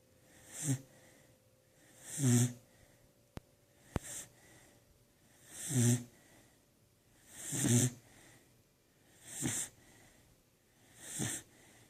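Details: Regular snoring, about 17 breaths a minute, each a low rattling snore with some hissing; two faint clicks between breaths.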